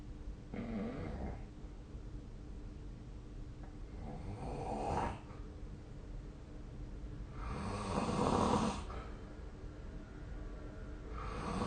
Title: 🐽 いびきの音 / Snoring Sleep Sound 2025/05/19